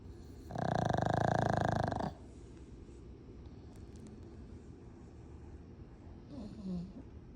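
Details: Very loud snoring during sleep: one loud, rattling snore lasting about a second and a half, then quiet room noise with a faint softer breath near the end.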